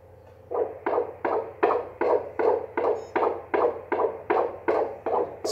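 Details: Rapid, regular whooshing pulses at about 158 a minute: a strong fetal heartbeat picked up by Doppler ultrasound, in a recording labeled W22, possibly 22 weeks.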